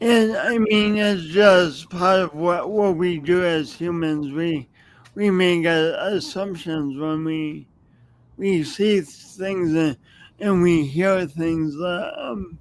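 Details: Adult with a long-standing speech impediment, audible whenever they speak and present for many years; speech impediment.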